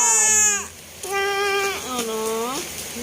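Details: Fussy baby crying in short, high wailing bursts, during a week-long illness with fever, cough and runny nose in the rainy season; unwell infant's irritable cry.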